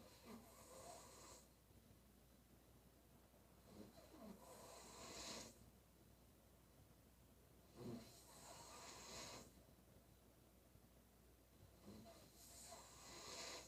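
Repeated snoring breaths with a snorting start and hissing finish, about 15 a minute, over faint background hum; ordinary snoring.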